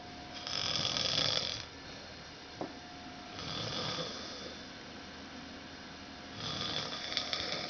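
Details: Loud, hissing, airy snores on each breath, about three in the clip, with a faint steady room hum, said to get worse later at night; snoring.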